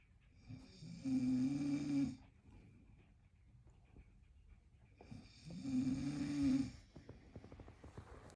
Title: No babe, you dont snore at all #husband #husbandwife